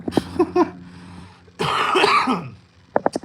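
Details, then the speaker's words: Adult's lingering cough after a recent cold, about 98% recovered: harsh, rasping cough with throat clearing, then a few short coughs, over a low room hum. "So, still got a little little cough left over. A little bit of that like you can probably hear it still."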